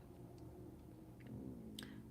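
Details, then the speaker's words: A low, wavering gurgling rumble that shifts in pitch, with a few faint clicks in a quiet room: stomach growling (borborygmi). "Ooh, why is my stomach growling? Did you hear that? Oh, she's loud."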